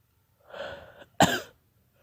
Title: More holdback sneezing